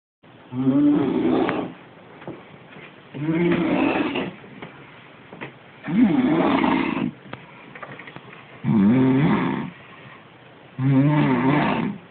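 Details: Five loud, rattling snores at roughly 25 a minute with quiet pauses between, from a sleeping woman; snoring.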